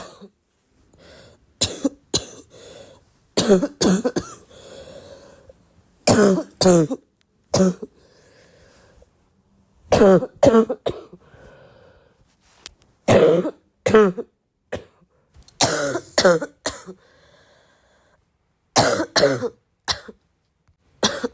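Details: Adult with an ongoing illness coughing frequently: repeated bursts of harsh cough, often in pairs or short runs, separated by quiet pauses.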